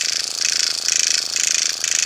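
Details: Fast, even, high buzzing pulses rising and falling as a microneedling pen at about 0.50 mm depth moves in small circles under the eyes of a woman over 50; microneedling pen in operation.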